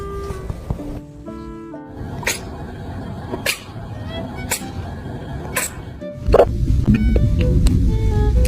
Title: BABY CAT HICCUPS ❤️